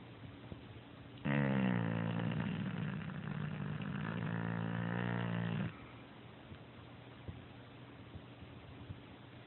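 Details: One long, loud, rumbling snore with a fluttering buzz lasting about four seconds, then fading to quiet breathing and room noise; snoring.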